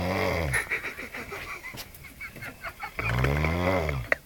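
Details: Drunk person snoring after drinking rakia: two loud, rattling, tonal snoring breaths about three seconds apart with quieter breathing between; snoring.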